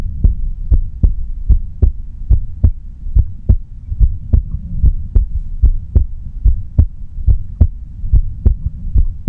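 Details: Quiet heartbeat recording with no talking: steady, regular low thumping at about 73 beats a minute over a faint hum; normal heartbeat.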